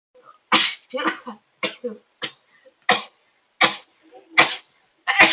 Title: Rapid Sneezing Attack